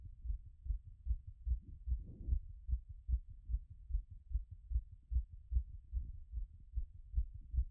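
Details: Own heart auscultated with a stethoscope after a workout, having beaten around 180 and already settling: fast, regular heartbeat about 150 a minute; heart sounds after exercise.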